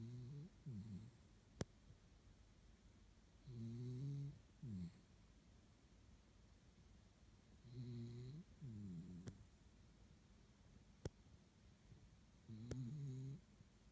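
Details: Snoring while asleep after a walk in the snow, now warm and dry: about 15 breaths a minute, each a low two-part rumble with a whistling edge, in a quiet room.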